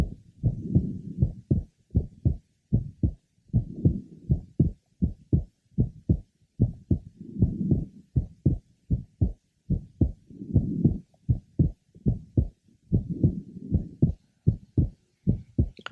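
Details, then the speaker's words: Teenage girl with atrial tachycardia and palpitations, otherwise asymptomatic, at the third left sternal border, about 80/min: normally split second sound (split on inspiration, single on expiration) and a grade 2–3 short, soft midsystolic innocent pulmonic murmur. "she has normal splitting of the second heart sound a grade two to three short mid systolic murmur is also heard which is characteristic of an innocent murmur"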